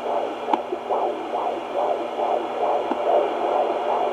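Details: Fetal heartbeat at 25 weeks of pregnancy on doppler: rapid whooshing heartbeat about 140 beats a minute, with occasional sharp thumps from fetal hiccups.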